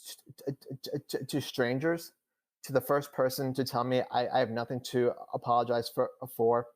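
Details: Adult male who stutters, speaking in real conversation; he reports stuttering more than he had in years during a recent public talk; stuttering.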